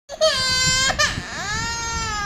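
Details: Young boy crying over a bottle lid he wants to put on himself: loud, sustained, high-pitched wails with a brief catch between; ordinary crying.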